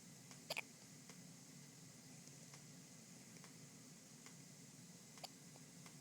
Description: At this point, she's had the hiccups for about 15 minutes straight.